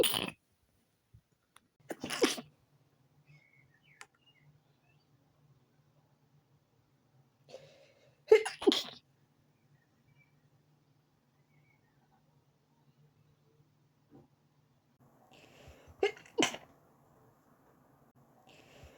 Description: The sneezes were from the morning after waking up.